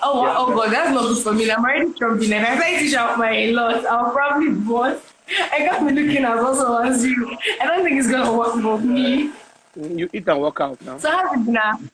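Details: Adult speaker; normal voice.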